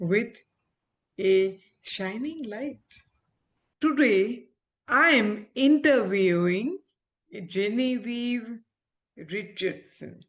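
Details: Aphasia after stroke in an adult female ophthalmologist recovering speech with speech-language pathologists; she reports communication still hinders her; real patient.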